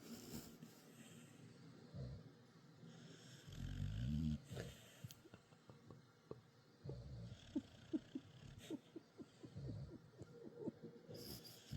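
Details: Loud snoring from a sleeping dog, a Dachshund/Beagle mix, recorded at night because the noise kept the owner awake; snoring.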